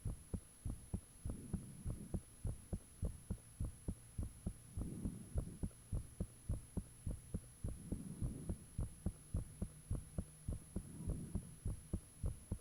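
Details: Self-recorded own heartbeat with fan off, taken shortly after heart began feeling unusually thumpy; loud regular thumps about 100 a minute, faint rushing between beats, steady hum behind. Heartbeat.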